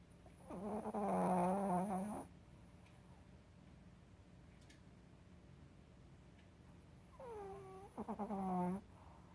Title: Snoring sunshine